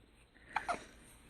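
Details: A baby boy with morning hiccups: a brief pair of small, abrupt catching sounds in a quiet room.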